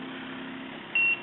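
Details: A single short, high electronic beep over a low machine hum from a SeQual eQuinox portable oxygen concentrator as the pulse rise time (bolus delivery speed) setting is changed; normal setting feedback.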